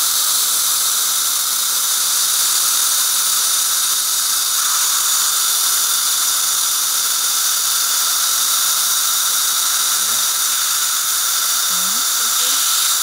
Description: Watch as Dr. Jon Wimer conducts a dental procedure utilizing the Solea Dental Laser System.